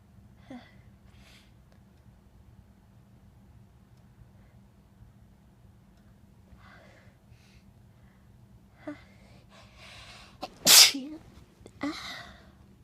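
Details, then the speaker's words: Person sneezing in bed: quiet breaths and a catching inhale build to one sharp, explosive sneeze, followed by a brief breathy sound; a single sneeze. "I have sneeze. Oh God. Yeah. Yeah. Oh."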